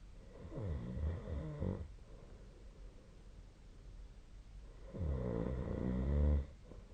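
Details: Snoring during sleep: two long, rattling, fluttering inspiratory snores with a quiet gap between, in a quiet room.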